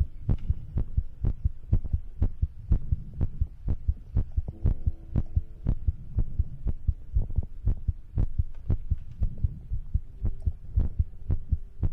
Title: ASMR Heartbeat & Breathing 1 Hour Compilation -